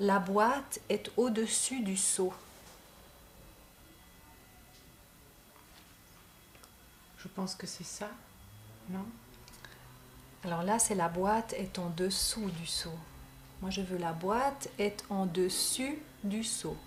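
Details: Patient with aphasia in a speech therapy session, describing a box's position; aphasia with agrammatism.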